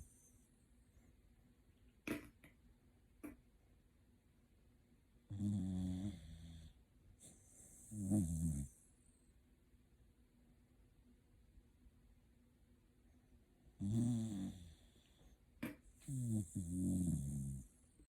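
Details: Shiba Inu dog sleeping comfortably and snoring: soft, rattling snores on each breath, about 4 in 18 seconds, in a quiet room.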